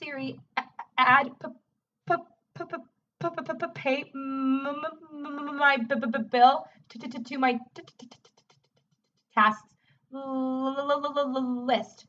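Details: Adult female speech-language pathologist with frequent, severe stuttering involving repetitions and blocks, dictating a command to Siri; stuttering.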